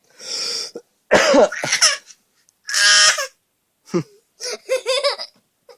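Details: A child imitating the cough of a sick father.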